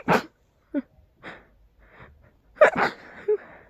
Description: I just had to let these ones out, they were too strong. They were so, incredibly tickly! I just couldn't get rid of them unless I let them out completely 🤧